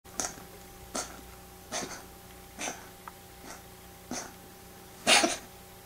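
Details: Female pet cat sneezing on waking from a nap, which the owner says looks like choking: seven short, sharp, airy sneezes at irregular intervals, the last loudest, over a faint hum.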